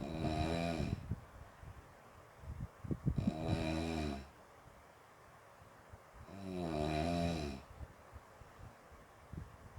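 Loud, buzzing, vibrating snores about every three seconds, with soft clicks and breath noises between; snoring.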